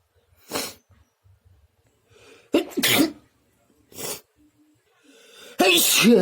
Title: Messy sneezes 🤧